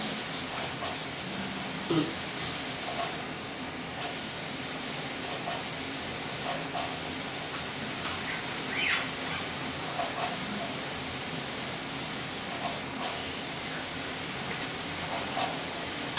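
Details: Dental air-water spray hissing continuously with brief pauses during a dental cleaning of a 5-year-old girl, on a follow-up visit after her cavity was drilled and filled, with fluoride application planned.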